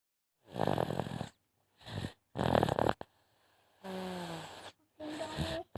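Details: Snoring during sleep: bursts of rough, rattling snores separated by pauses, some with a whistling tone.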